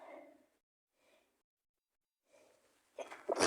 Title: cold sneezes 🤧🦠